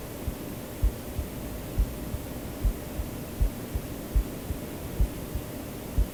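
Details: The creator's own recorded heartbeat, added to a sleep-aid track with breathing and white noise: soft, regular, low thumps at about 70 beats a minute under a steady hiss; a normal resting heartbeat.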